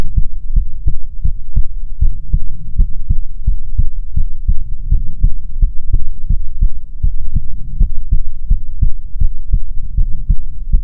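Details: ASMR heartbeat recording from a female streamer, offered as soothing heartbeats: steady, evenly spaced low thumping beats over a constant low hum; heartbeat.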